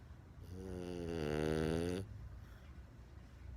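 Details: A French Bulldog puppy snoring loudly seconds after lying down, sometimes waking himself and sometimes snoring with eyes open: one drawn-out, buzzing snore rising slightly in pitch before stopping, over quiet room noise: snoring.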